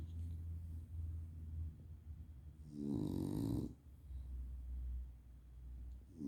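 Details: Small flat-faced dog: low rumbling breathing with one louder, throaty snorting snore; snoring.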